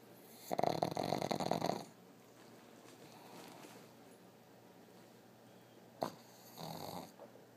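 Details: Dog snoring with its eyes open: one loud, rattling, fluttering snore, then quiet, a sharp snort and a softer final snore as the dog wakes.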